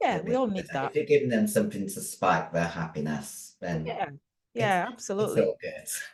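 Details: Adult female bodybuilder whose formerly very high-pitched voice became very deep after taking large doses of male steroids (performance-enhancing drugs); she can no longer sing; androgen-induced voice deepening (virilization).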